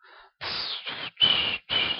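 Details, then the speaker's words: Abdominal auscultation: repeated harsh whooshing bursts with each pulse, an arterial bruit from turbulent flow through an artery narrowed by arteriosclerosis; abdominal bruit. "so these GUI suggests the artery has been accrued why arteriosclerosis is there narrowed artery so there is turbulent blood flow"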